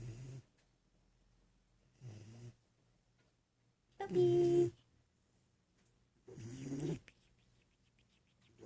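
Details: A sleeping Doberman: rhythmic snorts with each breath, some with a voiced groan, about 28 a minute, in a quiet room: snoring.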